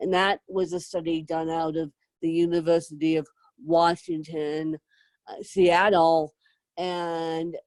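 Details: Adult woman with self-described moderate to severe cerebral palsy who needs help 24/7; dysarthria with cerebral palsy.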